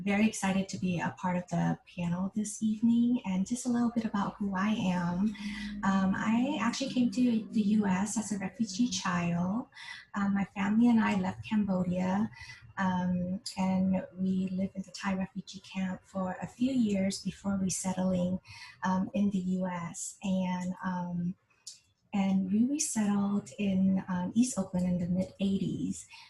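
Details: Adult woman speaking; normal speech.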